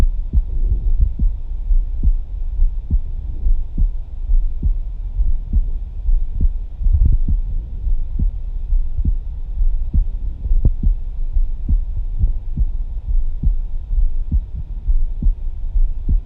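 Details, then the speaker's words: Live stethoscope demonstration: regular lub-dub heart sounds at about 70 a minute over a low steady hum, described as smooth and soothing; normal heart sounds. "people have been typing along listening to the smooth sounds of the heart"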